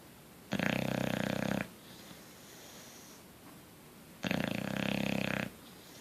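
Two loud, rough, fluttering snores on the in-breath, several seconds apart, with quiet breathing between; snoring in a sleeping bulldog.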